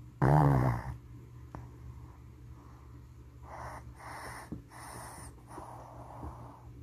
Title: Snoring Shih Tzu | FURBABY | 𝓚𝓮𝓷𝓷𝓲𝓮 🐶